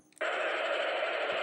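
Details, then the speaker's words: Simulated tinnitus sound played as an example of what a patient hears: a steady hissing, static-like noise that starts abruptly and continues unchanged, more bothersome when surroundings are quiet. "like this comes to patient's ear and they get irritated. It happens more when there is no sound around."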